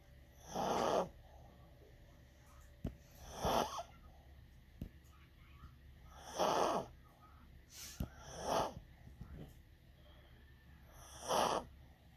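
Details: Dog that snores a lot, asleep and worn out after playing hard and travelling; short, noisy snorting breaths repeat irregularly, about five in twelve seconds, with a few sharp clicks between them.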